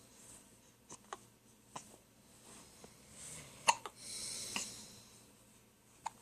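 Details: Hiccups from a girl awake at night in a bedroom: a series of short, sharp clicks and gulps at irregular intervals, about six or seven in six seconds, in a quiet room.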